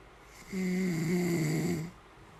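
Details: A single rough, buzzing inhaled snore lasting over a second in a quiet room, from a sleeping man; ordinary snoring.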